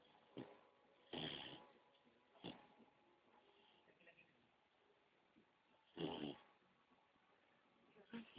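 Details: Sleeping beagle puppy: soft, irregular snuffly breathing with a few sharper snorts; light snoring.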